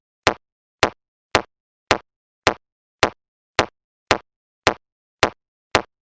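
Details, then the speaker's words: BeneHeart C2 AED with CPR sensor, after a shock was delivered: evenly spaced electronic metronome clicks at about 108 per minute pacing chest compressions for 30:2 CPR with rescue breaths. "start cpr immediately follow the metronome to give 30 compressions and two rescue breaths"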